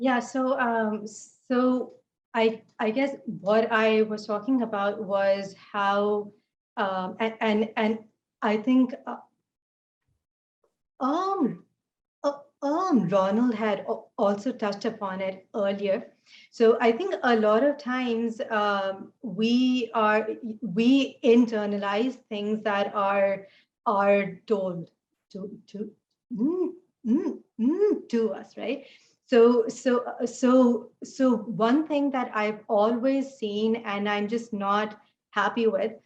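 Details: Adult woman who stutters, speech made harder today by fasting and poor sleep, with repetitions, interjections and pauses; stuttering.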